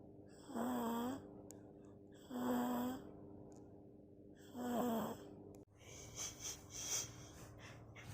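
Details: Six-month-old baby asleep, snoring: three soft, buzzing, snore-like breaths about every two seconds, followed by rustling.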